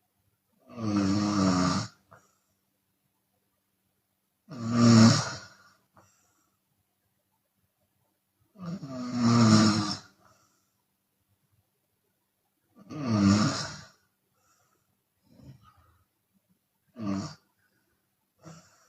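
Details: Chinese woman snoring with open mouth, sometimes on the exhale: loud rattling snores on each breath, about 16 a minute, with softer breath-outs between; open-mouth snoring.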